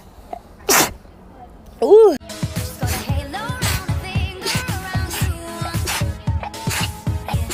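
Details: Two sharp sneeze bursts from a person, then steady background music with a beat: sneezing.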